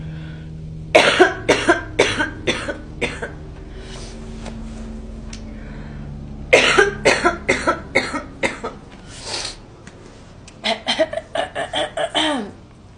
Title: Girl coughing 259